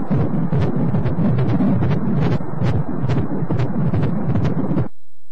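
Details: A normal fetal heartbeat on Doppler ultrasound gives rapid, rhythmic whooshing thumps at about 140 a minute.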